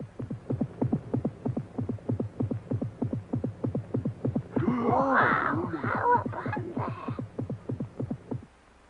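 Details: Rabbit's heartbeat shown in a 1957 educational science film: fast, regular thumping at roughly 190 beats per minute, with a brief burst of other sound in the middle.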